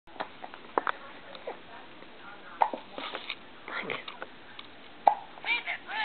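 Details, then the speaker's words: Hiccups: several short, sharp, abrupt vocal catches at irregular intervals in a quiet room. "Oh hickup Go away hickup Go away I don't like Those hiccups"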